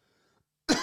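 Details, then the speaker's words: Adult who says he is a little ill, coughing while speaking on a live stream: a brief silence, then a single sudden harsh cough burst. "sorry like I say I'm a little bit ill so you might hear the OD cough throughout this one"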